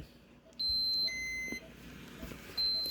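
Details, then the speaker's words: Home medical equipment of a 15-year-old with SMA, on her Spinraza spinal tap treatment day: steady high-pitched electronic beeps in a quiet room as a parent sets off the device's alarm. "But I want it to be alarm off at all time."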